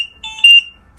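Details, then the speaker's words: Short high electronic beep from a home ventilator alarm after it is taken off a boy with a tracheostomy after his breathing treatment, signalling disconnection or fault. "So what we do at this point is take his ventilator off, and it will beep, because I think it gives a 15-second time until it beeps after you, lets you know that either he's disconnected or something's wrong with it."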